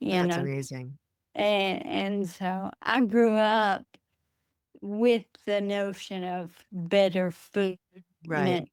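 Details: Adult woman with Friedreich's ataxia, a rare progressive neurodegenerative disease diagnosed at age 23, which she says affects her speech; wheelchair user; ataxic dysarthria.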